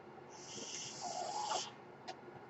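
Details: The speaker's own mechanical ventilator delivering a breath: a steady airy hiss with a faint whistle rises for about a second and a half, then a brief click.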